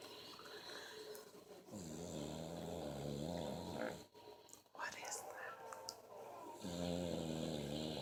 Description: My man snores like little nickie